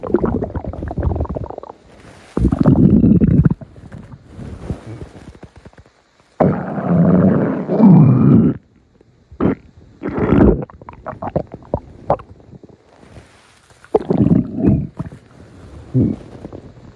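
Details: Loud, low, gurgling rumbles in several long bursts with quiet gaps: stomach growling, ordinary bowel and stomach sounds (borborygmi).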